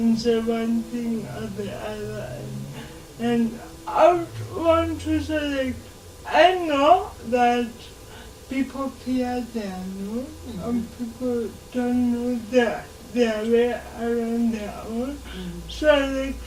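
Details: 26-year-old woman with lifelong cerebral palsy; she reports her speech makes her hard to understand, though she remains verbal; dysarthria (cerebral palsy).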